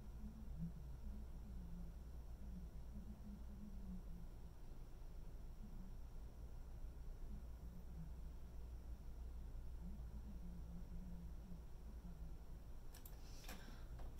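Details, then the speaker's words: Simulated severe hearing loss: a man-and-woman conversation heard as heavily muffled talk, with no words and only faint rises and falls of voice pitch coming through. "that was the entire passage didn't really catch much there just a little bit of inflections coming through the machine"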